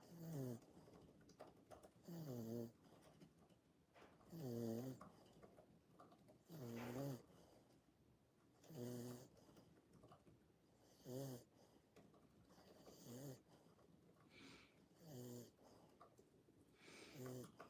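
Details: Pet dog asleep in a room snoring throughout: regular low, vibrating snores at about 28 a minute, each a rough buzzing breath; snoring.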